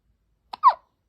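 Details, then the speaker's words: One-week-old newborn baby boy with hiccups, which he has often: a single brief, sharp hiccup with a soft squeaky catch in a quiet room; newborn hiccup. "you got the hiccups it's falling on the camera hey buddy you got the hiccups hey daddy you got the hiccups yeah all the time you're one week old today"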